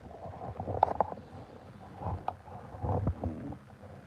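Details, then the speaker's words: Pet dog snoring while asleep. "He's snoring. Can you hear him snoring? There you go. So yeah, he's snoring away."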